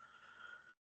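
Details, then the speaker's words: Imitated crescendo, harsh rasping mid-systolic ejection murmur of atrial septal defect, from increased pulmonary artery flow; brief sniffly hiss, likened to a person with a cold and no handkerchief. "El flujo increciendo, rasposo áspero, como dice el libro, soplo sistólico eyectivo, mesosistólico, porque si acá empieza la sístole, contracción isovolumétrica, eyección, reacción isovolumétrica, pues, y creciendo, rasposo áspero, en otras palabras suena así, como está resfriado y no tiene pañuelo,"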